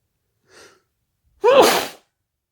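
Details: Person having a sneezy day: a brief, soft in-breath followed by one loud, forceful sneeze in a quiet room; an ordinary single sneeze.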